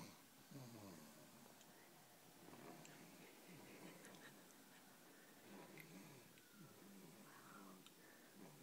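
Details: A sleeping baby makes noisy, rough breathing with low grunting snores, described as very loud, against a steady background hiss; snoring.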